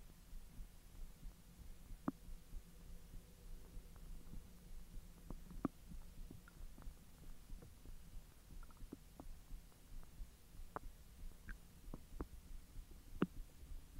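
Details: Belly recording while hot dogs are digested after the stomach was empty for 10 hours: low steady gurgling with scattered soft clicks and pops; bowel sounds (borborygmi).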